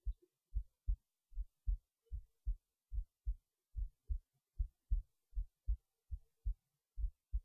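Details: Heartbeat recorded late at night while resting in bed before sleep: clear, regular lub-dub beats at about 75 beats a minute; normal resting heartbeat.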